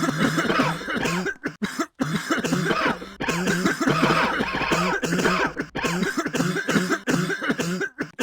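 Runs of harsh, voiced coughing and throat clearing in close succession, with only brief pauses between bursts.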